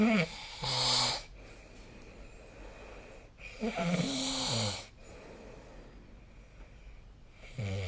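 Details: Loud, harsh snoring during sleep, about 16 breaths a minute, with fluttering noise on inhaling, over a steady room hum.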